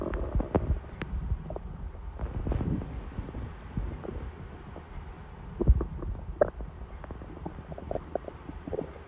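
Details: Hungry stomach rumbling before dinner: low gurgling rumbles and brief squelches, ordinary hunger borborygmi.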